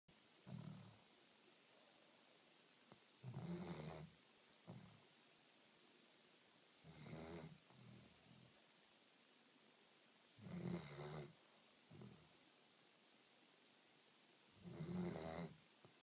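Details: Sleeping poodle (dog) snoring: soft, low rumbling snores in irregular bursts, about 14 a minute, in a quiet room.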